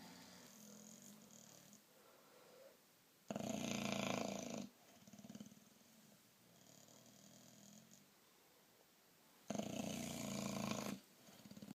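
Two loud, rough, rattling snores on the inhaled breath, with quieter breathing between them: snoring.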